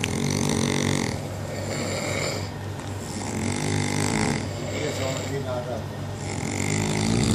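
Loud, rough, rumbling snores repeat in long cycles over a constant low background hum; heavy snoring.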